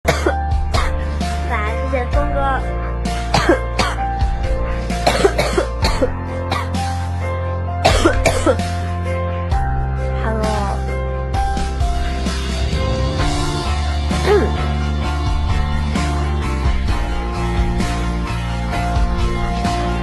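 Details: A young woman with a really bad cough: repeated harsh coughing bursts and throat clearing, partly masked by loud background music, while she tries to sing and says she isn't fully recovered.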